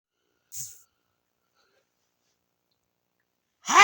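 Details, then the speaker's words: Person in a sneezing fit that dislodged a months-loose wisdom tooth: a brief, breathy sneeze burst, silence, then the start of another loud voiced sneeze. "you oh you won't believe this in this sneezing fits I got just no no I've had a loose wisdom tooth for the good cup a couple of months and during this sneezing phrase Let's Lose wisdom tooth oh my God decided to follow it"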